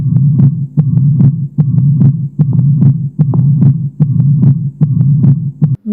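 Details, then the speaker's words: Mitral stenosis heard at the mitral auscultation point (apex): regular heartbeat about 74/min with loud snapping first sound, normal second sound, opening snap giving a three-part quail rhythm, and low diastolic rumble; diastolic murmur. "точка аускультации – митральный клапан, митральный стеноз, диастолический шум."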